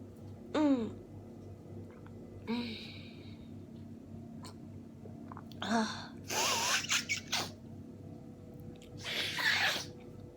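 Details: Run of several sneezes, some with a rising breath before each burst, from an adult with a common cold caught just before Christmas, lying bundled in bed, feeling tired and weak; a sneezing fit.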